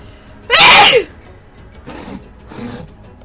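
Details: One loud, explosive sneeze followed by two softer bursts, with faint music behind, from a sneeze compilation; sneezing.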